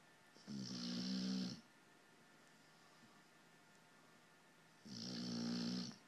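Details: Sound asleep on a lap, snoring: two long, rattling, buzzy snores separated by a quiet pause of about three seconds, with a faint steady room hum.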